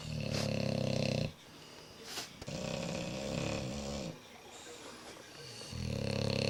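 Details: Two bulldogs snoring heavily, with loud, coarse, throaty snorts, rumbling breaths and noisy airflow while another dog checks them out; dog snoring.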